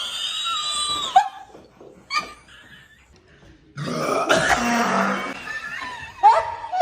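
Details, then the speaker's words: Sprite burp challenge: brief vocal sounds, then a long, loud, rumbling belch lasting about two seconds, followed by a short voiced sound; the person then says it hurts. "Do you feel like you're going to burp?"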